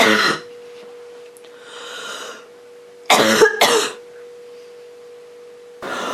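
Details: Girl (female) with a common cold coughing roughly: several harsh, rough coughs in short bursts with a steady faint hum behind.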